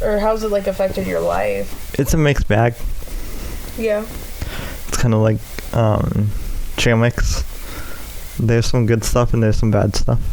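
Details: Adult male with cerebral palsy affecting the right side of his body, which he says causes his speech impediment; speech impairment (cerebral palsy).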